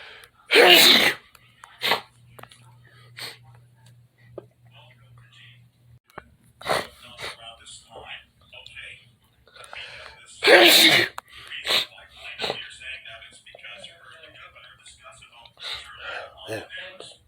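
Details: Sneezing in a bedroom: two loud, explosive sneezes about ten seconds apart, with quiet breathing and small sounds between.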